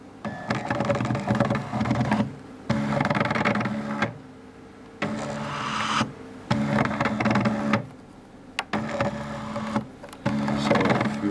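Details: Repeated bursts of motor whirring with short pauses, a work-in-progress DIY ICU ventilator prototype cycling as it pushes on a bag, with settable breathing speed, air volume and a one-second rest between breaths.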